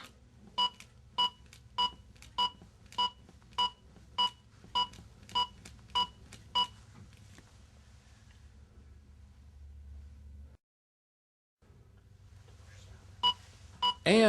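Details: Regular electronic beeps at about 100 a minute from a ZOLL AED Plus Trainer2 in a simulated training scenario after a delivered shock, pacing chest compressions; the instructor prompts the student to push harder.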